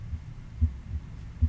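Regular low lub-dub beats, about 75 a minute, with two clear heart sounds per beat and nothing added between them: normal S1 and S2.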